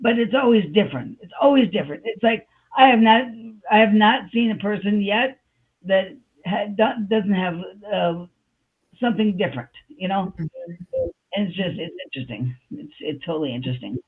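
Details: Adult woman with aphasia after a stroke on July 6, 2021, with word-finding pauses and repeated fillers; aphasia.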